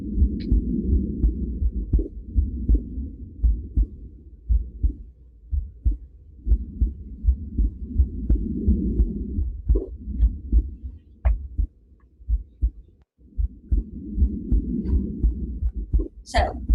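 Heartbeats through a stethoscope with breathing in the background; the beats come faster during each breath in and slower on breathing out, a sinus arrhythmia.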